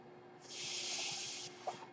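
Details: A single soft, high airy hiss rises, holds about one second, then fades over quiet room noise, from the speaker's own ventilator: one home mechanical ventilator breath cycle.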